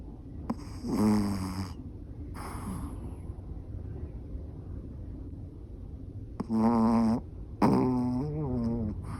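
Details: Adopted small senior female Chihuahua–Yorkshire terrier mix, age unknown, sleeping with eyes half open: loud, rough, tonal snores in an intermittent, distinctive rhythm, several on the breath with quiet gaps; ordinary snoring.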